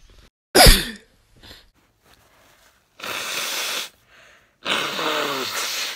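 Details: Women and girls with hay fever sneezing and blowing their noses: a sharp, explosive sneeze, then two prolonged nose blows into a tissue; allergic sneezing.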